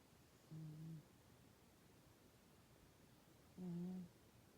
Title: My cat’s snore makes me sleepy!! #cat #snore #sleepingcat #cute #lol #animal #family